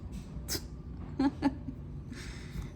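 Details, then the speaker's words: Sleeping flat-faced dog snoring: short, rough snorting breath noises, including two brief buzzy grunts close together, growing loud. "and now she's getting really loud because you know she has to right when I'm recording um it's like she wants to make sure everybody knows she's asleep"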